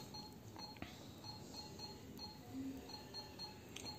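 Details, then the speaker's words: Fresenius Kabi Agilia VP infusion pump setup demonstration: short, high keypad beeps over quiet room hum as 500 ml volume to be infused is entered and OK pressed, before setting flow rate. "So now the volume to be infused is entered. Now we press OK."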